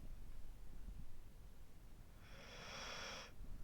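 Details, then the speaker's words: A sleeping pet snoring: a single airy, snuffling breath noise, a brief snore against a low room rumble. "Mandarina está roncando, escuchen."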